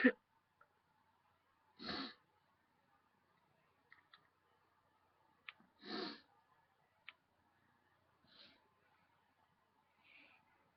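Quiet room with four spaced, soft coughs, the later ones fainter, and a few small clicks: a bout of coughing.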